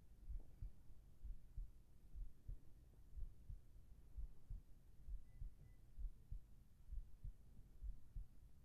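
Soft, steady lub-dub heartbeat at about 66 beats a minute under a low hum, a normal heart rhythm.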